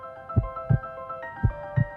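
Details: Normal heartbeat: regular paired low heart thumps at about 56 a minute, over steady background music.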